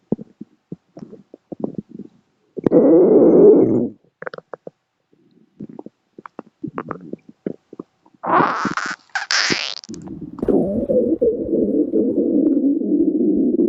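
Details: Loud, drawn-out gurgling and rumbling bursts with soft scratchy noises between, from Susan the bunny, a rabbit recently cleared from hospital; active stomach growl (borborygmi).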